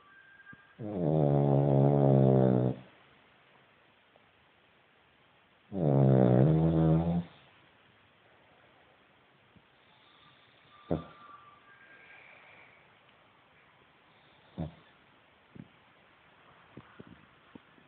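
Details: Cavalier dog: two long, loud rattling snoring breaths, then quiet breathing with faint sniffs; snoring.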